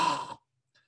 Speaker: make the sound of a snore through the nose sorry through the mouth it goes a bit like this